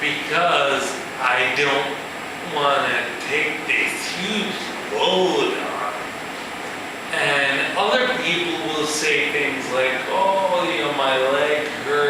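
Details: Male musician with ataxia, a progressive neurological disorder in which cerebellar cells die, affecting his balance and speech; real ataxic dysarthria.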